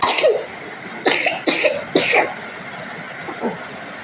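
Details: Infant coughing: four short, sharp coughs in quick succession, each with a brief voiced tail, then a soft sound.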